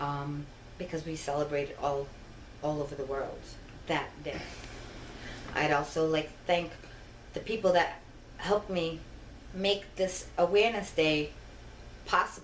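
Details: Adult woman with genetic ataxia (Machado-Joseph disease, as in her father), diagnosed in 2000 and disabled since 2013, which impairs her balance and speech and causes double vision; ataxic dysarthria.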